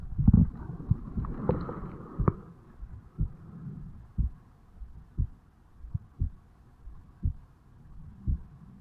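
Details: 35-year-old male's own heartbeat recorded at the mitral (bicuspid) area on waking in the morning: handling noise at the start, then a regular soft beat at about 60 a minute; normal heart sounds.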